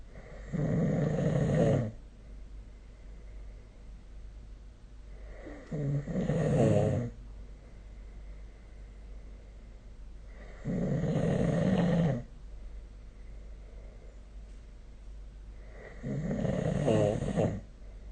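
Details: Adult snoring recorded with the SnoreLab phone app: four loud, rough, low snores about 5 seconds apart, roughly 12 breaths a minute, with quiet exhales between.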